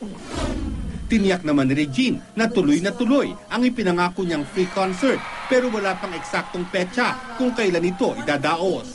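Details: Adult news narrator; Normal speech.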